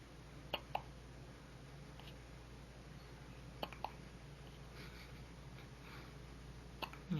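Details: Hiccups in a 4-day-old newborn girl just home from the hospital: faint, brief, sharp catches recurring every few seconds over steady room hum.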